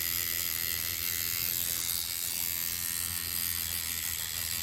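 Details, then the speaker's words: Professional facial microneedling in small circles with less pressure over a spot area, lifting and re-placing the pen rather than dragging it. Steady rapid buzzing and whirring of the motorized microneedling pen against the skin. "Even though it looks like I'm dragging it, I'm not. I am lifting up and going back down."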